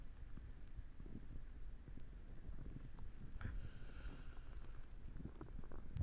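Low, irregular rumbling and gurgling throughout, typical of a loudly growling stomach, a normal bowel sound.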